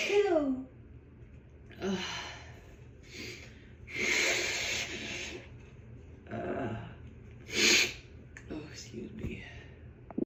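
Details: A female's brief voiced sigh, then breathy build-up inhalations and several loud, explosive, tickly sneezes in a quiet small room.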